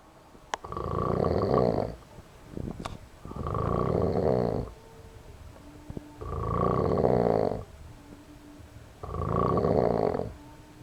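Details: Friend snoring loudly enough to wake the house: loud, rough, rattling snores on each breath, about four in ten seconds, with quiet pauses between; steady snoring.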